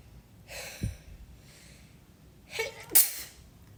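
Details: Sneeze induced by tickling the nose: sharp inward gasps followed by a sudden forceful sneeze.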